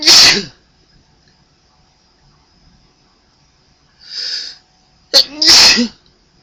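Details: Person sneezing: three sneezes with loud hissing bursts, the last with a sharp catch before it; ordinary sneezing.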